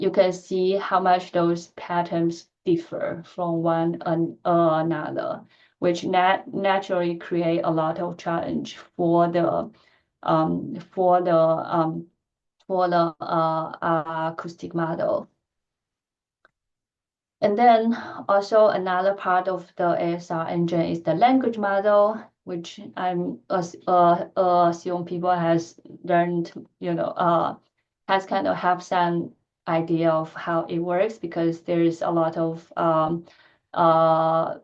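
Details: Woman who stutters; she says her stuttering pattern varies with who she speaks to and the situation; stuttering.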